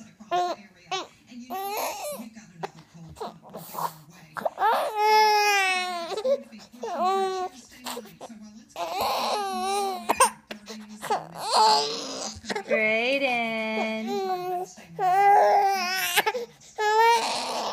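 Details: 5-month-old baby boy who dislikes tummy time, crying during it: repeated fussy crying bursts with rising and falling pitch and short pauses between cries; infant cry.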